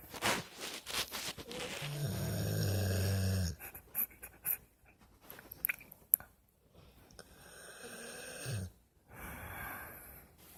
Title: Our dog snore lol